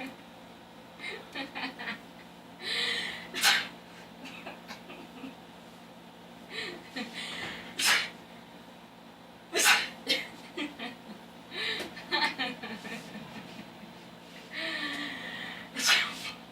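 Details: Several sharp sneezes, each preceded by a quick hissing inhale, with brief vocal sounds and laughter between them, from a person in a doorway while another person in a towel starts dressing.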